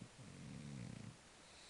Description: French bulldog sleeping and snoring a bit hehehe